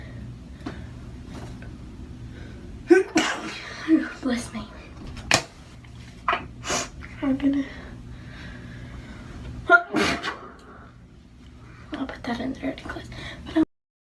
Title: Sneeze compilation